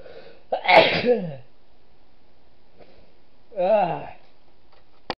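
Two loud sneezes, each a sharp voiced burst with a falling tail, in a quiet room.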